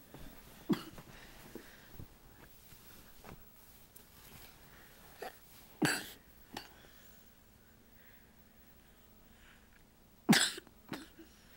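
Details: A few scattered short coughs from a child, two louder bursts among quieter ones, in a quiet room, recorded with a Flip Video camcorder; cough.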